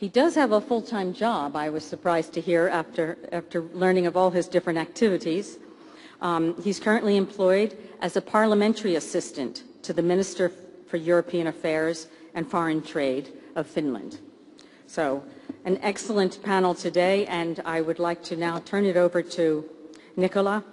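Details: Adult woman speaking; normal voice.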